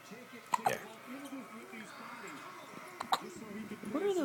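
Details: Hiccups: small, sharp hiccup clicks, one near the start and one a few seconds later, under soft background talk and murmuring.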